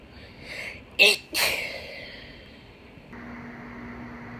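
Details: A person with a cold gives two sharp, explosive sneezes in quick succession, followed by quiet room noise.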